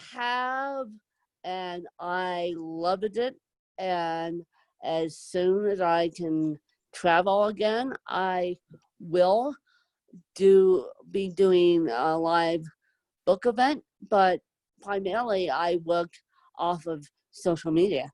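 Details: Adult woman with moderate to severe cerebral palsy, needing help 24/7; whether her own speech is impaired is not stated; dysarthric speech in cerebral palsy.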